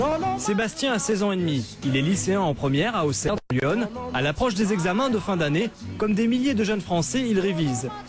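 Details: Adult male narrator; Normal fluent speech.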